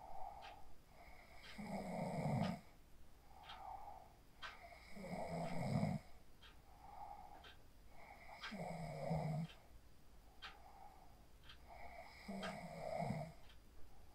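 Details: Person sleeping after practising the 4-7-8 breathing technique (inhale 4, hold 7, exhale 8), recorded on a phone: rhythmic rattling snores on each breath, about 18 breaths a minute, with softer whistling breath sounds between.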